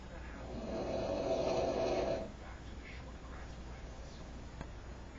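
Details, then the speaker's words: Snoring in an adult man with a severe snoring problem: one long, loud, rough rattling snore lasting about two seconds, sounding like fighting for air, then quieter breathing. "I can just hear yourself fighting for air."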